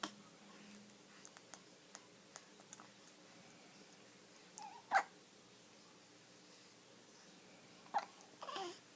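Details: Infant hiccuping with a cat watching: two or three brief, sharp catching sounds several seconds apart with faint clicks in a quiet room; baby hiccups.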